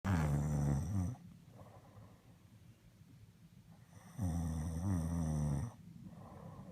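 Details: Father asleep: loud, deep rattling snores on each breath in, with quiet breathing out between; ordinary snoring.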